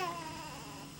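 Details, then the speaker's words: Abnormal newborn on neurologic exam, cry elicited by tickling the feet: brief, thin, soft cry with little power, judged a little bit soft; weak cry. "And the cry, we can judge the quality of the cry. A little bit soft."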